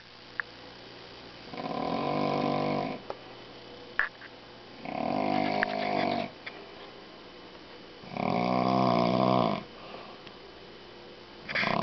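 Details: Three long, loud, rattling snores on the in-breath, about every three seconds, with quiet pauses between them; unusually heavy snoring from a person of unstated sex.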